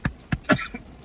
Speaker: I better drink something. Try to get it going out. I know what somebody's gonna say. Well, if you take your time and chew your food, it wouldn't get stuck in your chest.